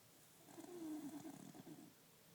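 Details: A person sleeping, with a single soft, rattling snore on one breath in a quiet room; snoring.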